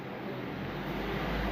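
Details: Branded nebulizer compressor running during repair: steady loud motor drone with a low rumbling hum.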